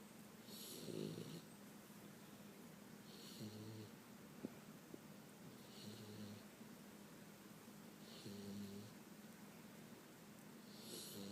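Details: A 5-month-old Boxer puppy sleeping after the dog park, with regular rattling snores and a whistling note on each breath, about 25 a minute, in a quiet room.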